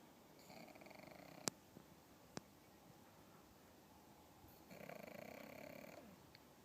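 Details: Pug dog, soft fluttering snore on two breaths with a couple of sharp clicks between, over quiet room noise: dog snoring.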